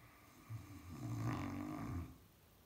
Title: Кавказская овчарка Кузьма мальчик храпит шедеврально 😄 #Кавказскаяовчарка #кузьма